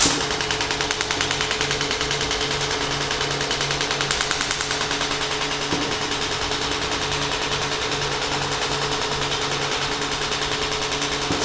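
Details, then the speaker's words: Shockwave therapy applicator applied to an adult's back; the subject reports feeling almost nothing. A rapid, steady train of sharp clicking pulses at about 200 a minute as the device fires. "and now we are going to do the shock wave I'm actually feeling almost nothing"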